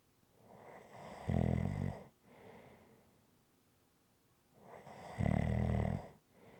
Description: ASMR Snoring Sounds.